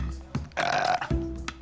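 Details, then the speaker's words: A patient waiting in A&E with constant, unstoppable burping and belching plus flatulence all day, with worsening symptoms: a short, low, rumbling belch between quiet background tones; repeated belching. "During the day, I was just burping and belching all the time. Well, I have to keep apologising. It is embarrassing, you know, flatulence and burping all the time."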